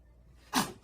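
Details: Three-day-old newborn baby sneezing: a single short, sharp sneeze after quiet breathing.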